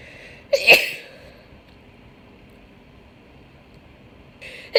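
One sharp, explosive sneeze, then quiet and the start of another: sneezing with a cold.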